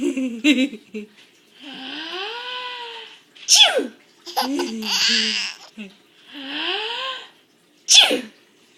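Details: A baby a day short of five months old laughs at his mother's sneezing: two sharp, abrupt sneezes between bouts of the baby's laughter; plain sneezing.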